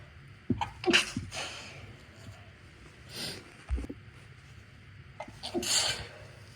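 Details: Induced sneezes during a cold after a persistent tickle in the left nostril: three sneezes, each a sharp breath in followed by an explosive, hissing burst of air.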